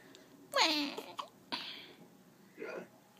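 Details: One-week-old baby girl with newborn hiccups: brief, abrupt little catches of breath with soft squeaky voicing, about three or four in three seconds.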